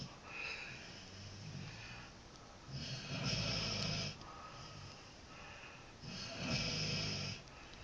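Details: A dog snoring: slow, regular, rough snores with soft, hissing breaths between them, about 18 breaths a minute.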